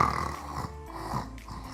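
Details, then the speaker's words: An ENT doctor imitates snoring that breaks off into quiet as the muscular throat airway collapses and fully blocks; obstructive sleep apnea, imitated snoring with cessation. "जब भी ये खर्राटे खींचता रहता है धीमे धीमे हमारी जो गले के रास्ता होता है सांस का वो टोटली ब्लॉक होने लगता है, जिसकी वजह से हम देखते हैं खर्राटे रुक जाते हैं जैसे कि,"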